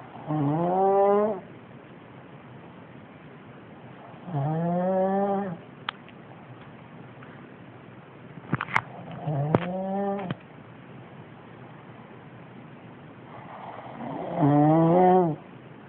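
Long, droning, tonal snores on the in-breath, roughly every four to five seconds, with a few faint clicks between them.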